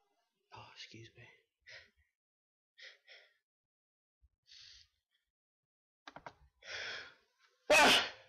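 Soft breathy sounds and catching breaths building up to one loud, explosive sneeze at the end, in a quiet room.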